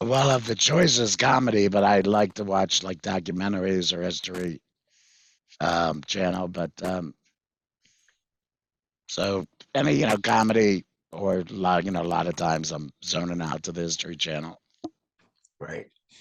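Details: Tracheoesophageal speech with a voice prosthesis from a 66-year-old man after total laryngectomy in February 2019 for vocal cord cancer, which followed months of hoarseness; prosthesis placed September 2019; he previously used a whiteboard and an electrolarynx.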